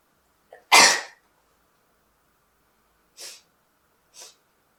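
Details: Sneezing sample: a sharp, loud sneeze after a brief intake, followed by two smaller sneezes.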